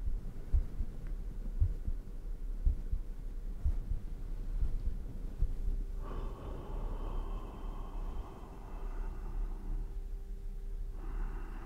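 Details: ASMR close-microphone recording of own fast-beating heart at 100% sensitivity, with breathing into the ears: soft low thumps near 57 a minute under close breathing and hiss; heartbeat.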